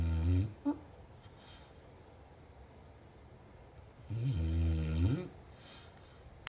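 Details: Snoring in a quiet room: two low, rattling snores on the in-breath, about four seconds apart.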